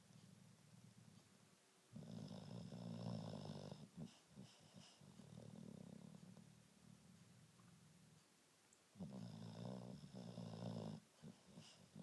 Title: Snoring